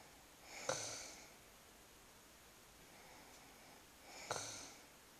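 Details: Wife snoring in sleep: two soft, hissing snoring breaths about three and a half seconds apart, against steady room hiss.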